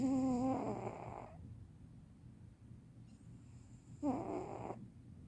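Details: Senior cat sleeping: two soft, rattling breaths with a faint whistle separated by a quiet pause; light snoring.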